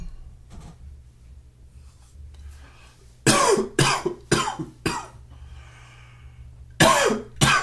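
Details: A little morning cough with one sneeze thrown in: cough.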